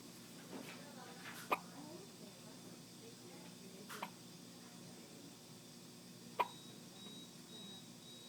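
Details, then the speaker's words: Several people with hiccups in the morning, a "hiccup chorus": three sharp, abrupt hiccups a few seconds apart over quiet room noise with faint talk. "Do you have a hiccup chorus? Hiccup chorus?"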